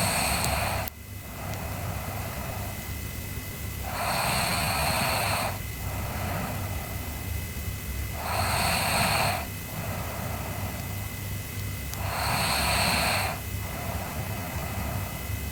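Slow noisy breaths about 15 a minute, each with a loud rough inhaled snore, over steady background hum; snoring.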